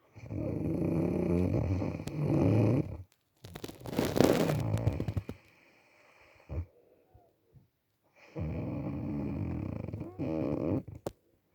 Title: Snoring 😁